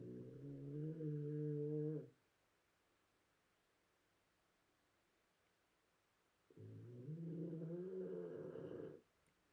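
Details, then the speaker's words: A sleeping dog snoring: two long, low, rumbling snores separated by a quiet pause. "And yes, as usual, you were already waiting for this. You can hear my dog snoring."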